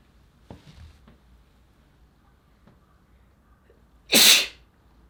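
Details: A few soft breaths and small sounds, then one sharp, loud sneeze in a quiet room.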